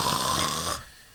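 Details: Snoring (imitation).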